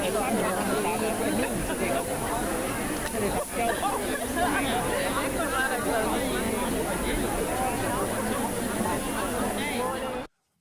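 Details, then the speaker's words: Simulated sudden sensorineural hearing loss in the left ear, stress-induced, of a singer-songwriter: dull, flattened street noise, blurred crowd chatter and cars, with a steady thin high tone, as he hears it. "imagine yourself strolling down the city okay you hear noises you hear the environment cars passing by people chattering this is how usually it sounds like and this is how I listen"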